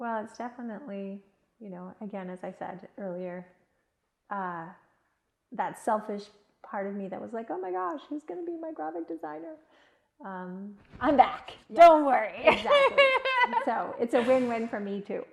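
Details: Adult woman speaking; unaffected speaker.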